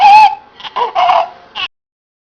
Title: Neonatal Stridor